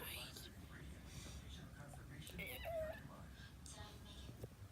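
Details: Man whose throat has felt weird and warm since waking; hoarse voice with voice breaks.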